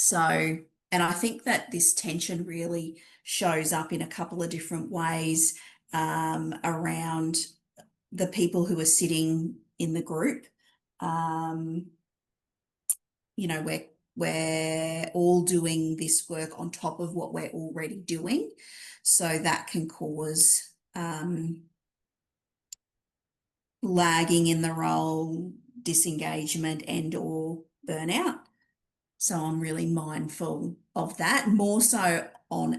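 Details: Adult woman; normal voice.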